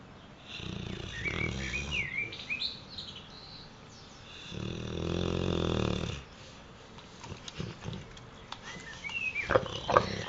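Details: A sleeping boxer dog gives rough, rattling snores on two long breaths, with small squeaks and snuffles between; snoring.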